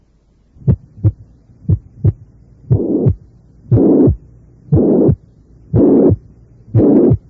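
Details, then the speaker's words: Combined mitral stenosis and regurgitation, reconstructed: a systolic murmur followed by diastolic murmurs. "y reconstruido para ustedes este complejo ausculta torio primero el soplos histórico y después los soplos días históricos"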